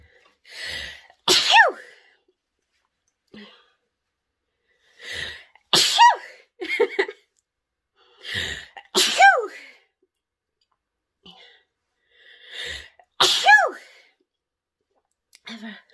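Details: Woman sniffs pepper to induce sneezing, then honks her nose to clear her sinuses. Four forceful sneezes, each preceded by a sharp indrawn breath and followed by sniffing, about fifteen seconds apart.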